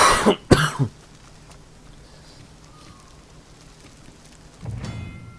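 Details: A single short, dry cough with two quick bursts, then quiet with faint video game audio behind.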